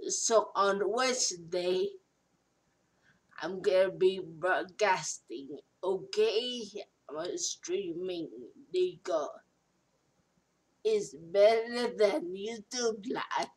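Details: Adult woman speaking; post-stroke speech.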